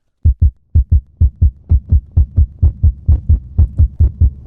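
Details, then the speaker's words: Demonstration heart sound of sinus tachycardia, driven by the sinus pacemaker at over 100 beats a minute, with rapid steady thumps at roughly 130 a minute; sinus tachycardia. "Esa es comandada por el marcapasos biológico, pero va más rápido de 100 latidos por minuto. Esa es taquicardia sinusal."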